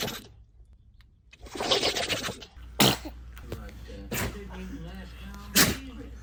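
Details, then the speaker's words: Dog sneezing indoors: several short, sharp nasal bursts amid room noise and a person's voice. "Raven, are you okay? I give him a sneeze."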